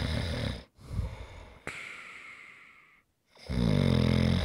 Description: ASMR - Great snoring sounds to rest and relax to.